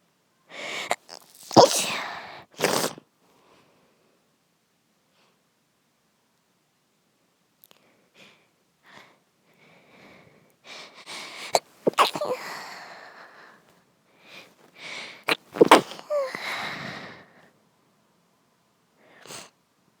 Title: my sister sneeze at night. sneeze attack